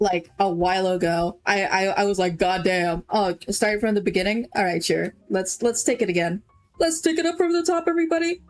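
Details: Female streamer who says she stutters a lot and earlier had a much more severe stammer; whole-word repetitions audible; stuttering.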